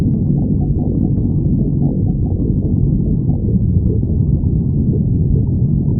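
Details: Stomach growling (borborygmi) of a badger: continuous low, muffled rumbling with faint gurgling blips throughout.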